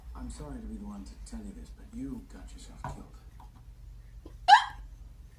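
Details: Speech followed by one sharp, abrupt hiccup.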